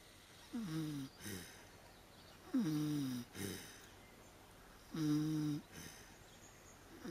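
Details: Afternoon nap in a puddle: loud, rough, pig-like snorts on each in-breath with softer out-breaths, about 25 a minute; snoring.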